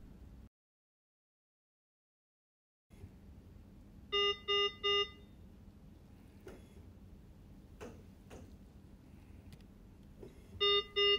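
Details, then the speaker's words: Datex Aspire anaesthetic machine check: the patient bag is disconnected, the ventilator attempts a few breaths, then the low pressure/disconnect alarm sounds as groups of three clear electronic beeps over low machine hum. "to test the low pressure alarm simply disconnect the patient bag the ventilator will attempt to deliver a few breaths and then the alarm should"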